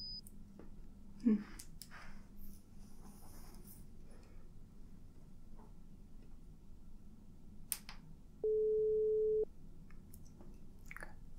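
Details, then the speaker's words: Simulated audiometry role-play, high/low frequency testing, listener raises hand or says yes on hearing a tone: a single steady pure tone of about one second over quiet room noise; pure-tone audiometry test tones. "what i want you to do is when you hear one of the sounds one of the tones you can either raise your hand or you can say yes okay that's all you have to do so i'm gonna go ahead and start the test"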